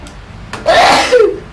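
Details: Girl sneezing once after a sharp intake of breath, set off by a Covid-19 nasal swab test; swab-induced sneeze.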